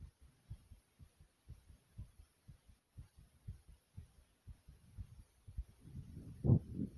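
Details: Tachycardia after exercise: the person's own fast, strong, regular heartbeat of about 120 beats per minute, heard right after doing jumps in place.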